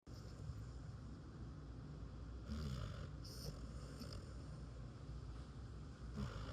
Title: Gordo snoring like he pays bills 😩 Lord, give me that kind of peace. #fyp #foryou #DogLife 💤💰